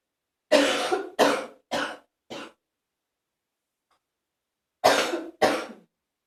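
Six harsh coughs in two bursts, four then two, with a wet, rattly quality; phlegmy productive cough.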